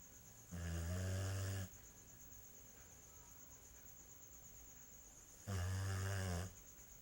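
Two loud, low, rattling snores about five seconds apart, quiet between, over a steady faint high-pitched whine in the room: typical snoring.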